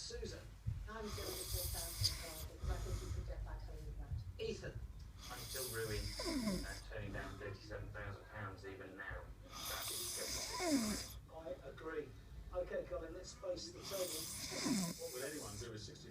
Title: Man Snoring